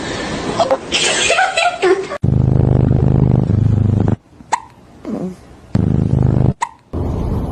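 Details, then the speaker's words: Cat hiccups: a few brief, sharp chirp-like spasms between loud stretches of background music, after the cat ate its food too fast. "You see what happens when you eat your food too fast?"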